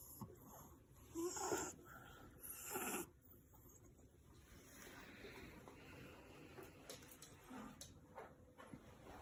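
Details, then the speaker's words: Chihuahua dog snoring while asleep: two loud, rough, rattling breath sounds, then quieter noisy breathing. "Snoring captain Vitya is coming... The engine is starting !!sound caution!!"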